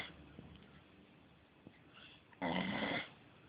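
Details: Quiet breathing ending in one brief rattling inspiratory snore from a sleeping beagle that keeps snoring rather than waking; dog snoring.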